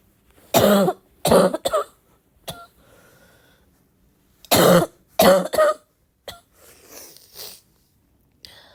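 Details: Sick girl's barky congested cough: two bouts of three harsh, barking coughs each, with throaty, congested breaths between.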